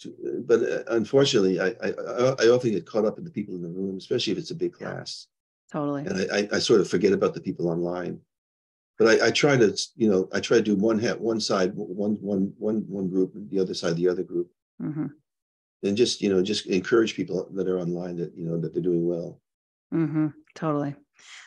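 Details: Adult man with progressing Parkinson's disease who reports stuttering a little, losing his words and impaired balance; finding: disfluent speech with word and part-phrase repetitions in Parkinson's disease.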